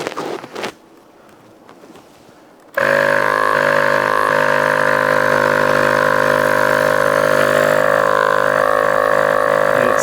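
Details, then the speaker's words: Vacu Aide DeVilbiss portable suction machine restarted after repair, giving some but not full suction: faint handling noises, then the pump starts with a steady motor hum and buzzing whine that continues evenly. "Some suction. We got some suction, not full suction. I'm worried something else is a little loosey-goosey in here."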